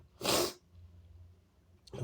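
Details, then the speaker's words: One loud, forceful sneeze over a quiet room hum, then a faint start of another sound; the person says it was big and excuses themselves for sneezing. An ordinary single strong sneeze. "It was so big. Whoa. I sneezed on you. Excuse me."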